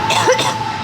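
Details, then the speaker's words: A woman coughs briefly and forcefully at the gym after a shotgunned drink went down the wrong way, burning her throat, with room noise behind; coughing attack during a bench and deadlift workout. "I am grinding. I'm still coughing, but I am grinding in one direction this workout."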